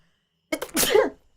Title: 【/自用無烤】sneeze 2